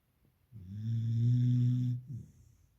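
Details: One long, low, rumbling snore lasting about a second and a half, then a brief softer snort; a beagle puppy snoring loudly in deep sleep.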